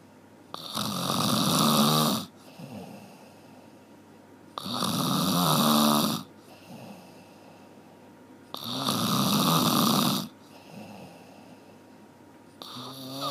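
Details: One-hour snoring recording: loud rasping snores on each breath in, about 15 a minute, with quiet breaths out between; steady snoring.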